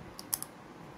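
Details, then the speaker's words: New orthodontic retainers fitted at the orthodontist to close tooth gaps that formed after previous retainers broke, then activated so pressure is felt. Three small, sharp clicks in quick succession. Retainer clicking into place. "must hear the sounds. Can you hear the sounds? Mm-hmm. Okay, and then I've activated it, so you will feel also the pressure."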